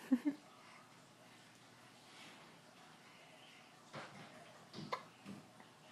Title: Cute little hiccups!